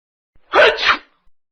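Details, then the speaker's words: Acted sneeze for a children's story: a single sharp, explosive sneeze with a brief intake before it; sneezing. "There was a man who lived there. He was called Mr. Sneeze. I hate this sneezing."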